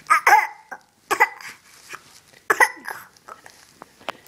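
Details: An infant lying on a changing table and eating his toes gives a few short, deliberate, playful cough-like bursts, not a sick cough: voluntary (fake) cough.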